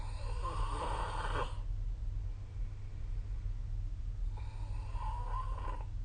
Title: 🐽 Snoring Sleep Sound / いびきの音